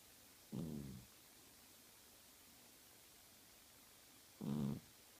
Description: My cat snoring and twitching while sleeping.